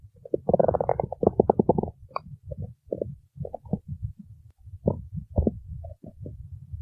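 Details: Loud, bubbling gurgles and low rumbles from the belly over several seconds, suggested to be hunger; ordinary stomach growling (borborygmi).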